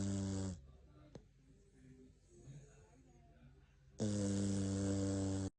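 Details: Jack Russell Terrier asleep after falling asleep while the TV was on: two loud, rumbling snores, one at the start and one at the end, separated by a quiet pause; snoring.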